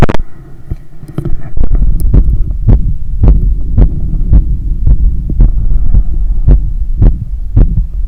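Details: Heart sounds recorded right after running 10 km outdoors and climbing 15 floors of stairs: fast, forceful, visibly hammering heartbeat about 110/min with breathing heard behind; post-exercise tachycardia.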